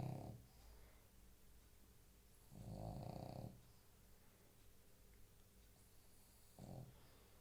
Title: Snoring pug